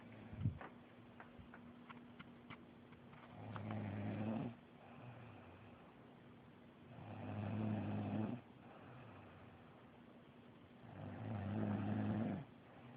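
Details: Adult woman asleep, girlfriend who denies snoring: loud, low, rumbling snores roughly every four seconds, about 15 a minute, quiet breathing between; loud snoring.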